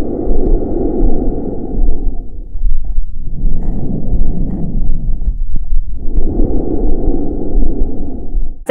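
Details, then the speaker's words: Loud, hollow, tubular breath sounds with a distinct pause between breaths, heard over the airway in a patient after racemic epinephrine restored oxygen saturation to 97%: normal bronchial breath sounds. "answer is a normal bronchial breast sounds so after administration of oric Epi from the RT his oxygenation was restored with the oxygen saturation of 97%"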